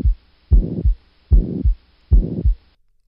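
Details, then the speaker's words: Representative teaching sample of heart auscultation from an interactive study resource: regular heartbeat about 75 a minute with a rough whooshing sound filling the gap between the two thuds of each beat. "you can click on them to actually hear a representative high-quality sample of the auscultation sound"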